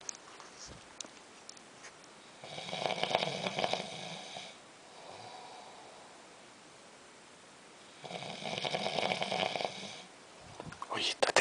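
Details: Snoring.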